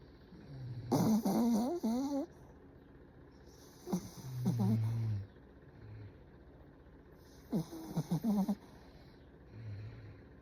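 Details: Sleeping dog snoring: irregular snorting and whistling breaths with low rumbling snores in between.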